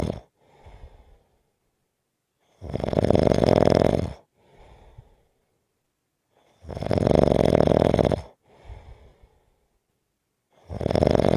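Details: Snoring: loud, rough snores on each breath in, with quieter breaths out between, about 15 breaths a minute, from a six-minute snoring clip.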